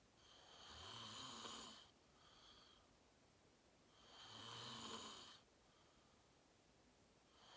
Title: Watch me sleep #41: 😴 Fell Asleep Fast @ 8:45 😪 Slept Deep REM Sleeping 💤 Great Loud Snoring ASMR